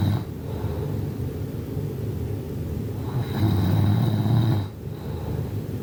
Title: Snoring at 56 decibels